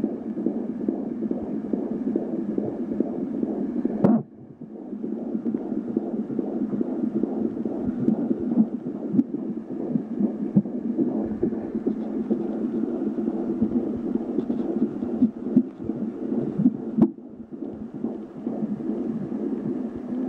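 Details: Fetal heartbeat at 14½ weeks recorded with a home Angelsounds fetal Doppler: rapid, whooshing pulsed sound with brief dropouts as the baby keeps moving.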